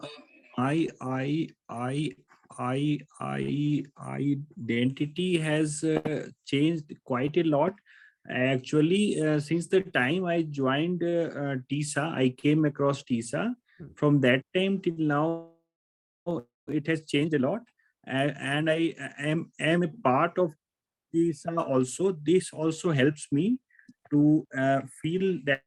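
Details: Adult male who says he stammers, with an extended repetition of 'I' at the start; stuttering.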